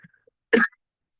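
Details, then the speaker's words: Acted TV drama (Monk) clip of a spongia-type croupy cough: single harsh, dry, barking cough burst; dry croupy cough. "This is a um sound clip of another spongy cough from the TV show Monk."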